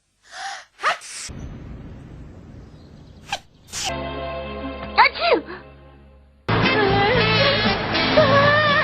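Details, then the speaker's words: Anime compilation, acted cartoon sneezes with background music, after a character says they have had to sneeze for a long time: a short gasp, then a sharp sneeze burst. "I've had to sneeze for the longest [Music] time fore"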